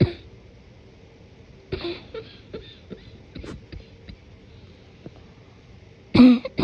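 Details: Morning cough deliberately suppressed and muffled to avoid waking someone: muffled held-back coughs and throat clearing with a louder final cough, wet and congested; productive morning cough.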